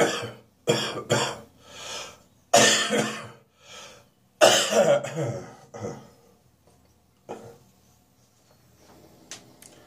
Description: I'm still coughing in the morning, but not so much during the day now.